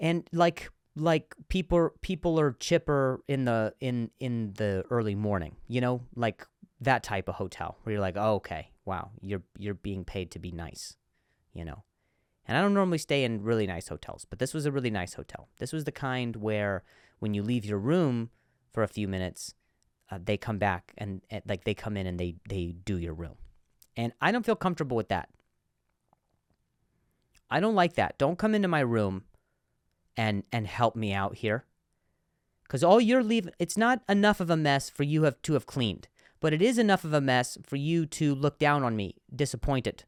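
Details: Adult male comedian who stutters, speaking in a podcast monologue, with word repetitions: stuttering.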